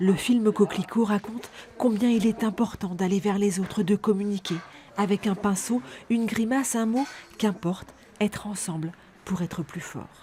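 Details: Adult woman speaking French; normal fluent speech.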